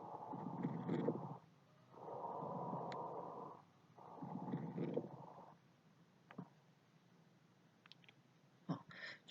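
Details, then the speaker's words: Abnormal breath sounds of lung infection: rough, noisy breathing with scattered crackling pops. "这是我们支气管再加上肺泡都发炎的声音。这是我们肺部有感染的声音。"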